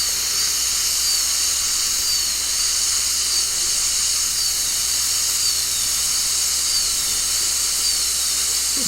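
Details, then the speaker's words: Continuous high whine and hiss of a high-speed dental drill with a thin diamond bur making mesial proximal reduction on a maxillary central incisor for an all-ceramic crown preparation, moved up-down and side-to-side, in a student lab. "메디얼 측 프록시멀 리덕션을 하고 있는 모습입니다. 한 군데에 대는 것보다 이렇게 발을 상하로 좌우로 움직여가면서 삭제하는 것이 용이할 때가 많습니다."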